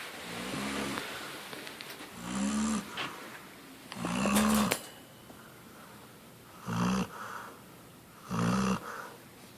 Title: My load ass snoring dog